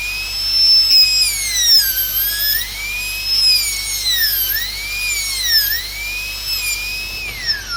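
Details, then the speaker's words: Dental drill whining at high pitch, rising and falling as the bur cuts a secondary flare on the buccal wall of the proximal box on a maxillary first molar inlay cavity. "Now I have to give a secondary flare in the buccal wall. Keep the burr."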